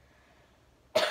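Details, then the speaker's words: Single abrupt, harsh cough at the end of near-silent room tone, from a woman who says she is sick, before singing. "sick that's what my voice sounds like this but we'll get through it"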